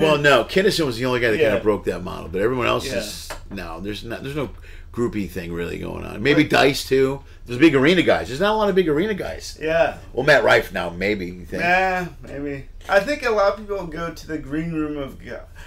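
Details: Adult male speaker in conversation; Typical speech.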